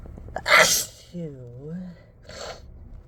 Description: Inducing again, this time in my car. It felt good to really let these out as loud as they wanted to be